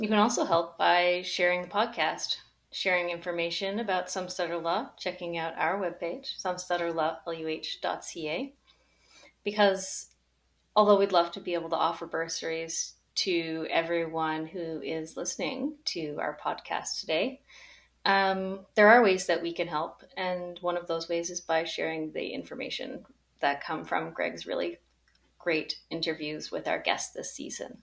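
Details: Adult woman speaking; normal speech.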